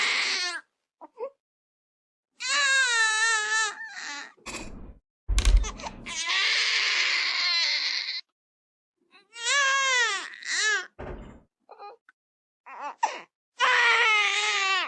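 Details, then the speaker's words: Infant colic (tummy-ache) cry, linked to trapped gas: intense, high-pitched wails in strained bursts with gaps. "그래서 우리 애가 아파요 라고 할 때는 그런 부분 우리 애기 우는 소리 한번 들어볼게요."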